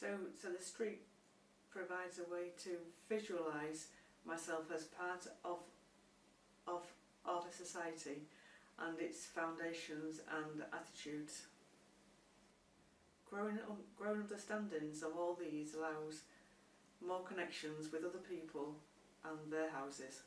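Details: Adult who stammers and reports finding therapy helpful, speaking with audible word repetitions; stuttering.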